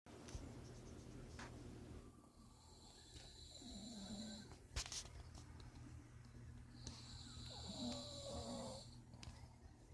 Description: So my mom snores so loud she woke me up in the middle of the night so I recorded her snoring